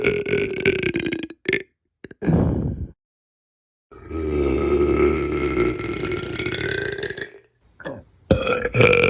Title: Burping right in your Face :3